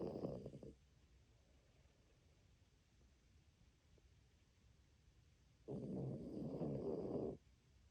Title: My dog snoring so loud #dog #snoring